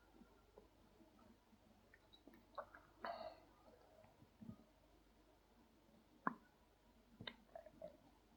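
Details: Adult man's hungry stomach growling while he presses and plays with his belly: soft irregular gurgles, sloshing and watery clicks, borborygmi.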